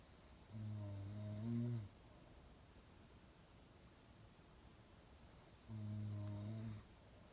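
Two low, rumbling, buzzy snores about five seconds apart, each lasting just over a second, with quiet breathing between them in a still room: snoring.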